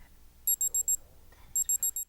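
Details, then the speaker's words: Two runs of four quick high-pitched beeps from a digital thermometer in a vital-signs training, signalling the reading is ready to read; digital thermometer ready beep. "follow the same procedures when taking a digital thermometer reading the digital thermometer beeps when the display is ready to read"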